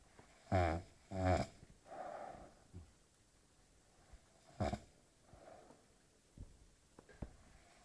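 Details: Short, rattling snores and snorts on breathing in, some in quick pairs, with softer breaths between: snoring.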